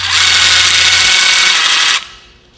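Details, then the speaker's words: PowerFloat motorized equine dental float with a guarded burr for floating sharp enamel points on the outer upper and inner lower arcades. A loud, drill-like, high-pitched motor whine runs and then stops; the float runs at slow or fast speed. "this burr is only used for floating the sharp enamel points off the outside of the upper arcades and the inside of the lowers is very fast and it fits very tight against the teeth"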